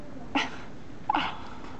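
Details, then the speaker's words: Infant gives two small, sharp sneezes close together against a quiet room; parent says bless you. "oh bless you bless you oh bless you oh my goodness holy cow wow wow"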